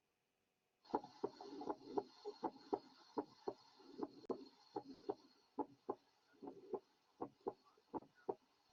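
A fast, regular run of crisp heart sounds, roughly 110 to 120 beats a minute, with a soft, low, humming murmur filling the space after each first sound. This is an innocent murmur in a young child: a harmless flow sound from a normal heart.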